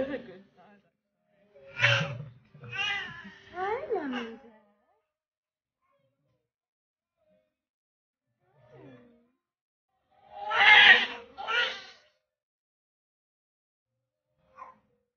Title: POSITIVE BIRTH VLOG